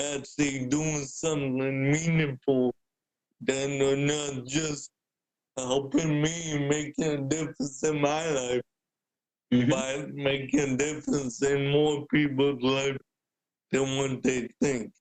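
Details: Adult man born with cerebral palsy, a wheelchair user with physical limitations, for whom speaking is noted to be hard; dysarthria (cerebral palsy).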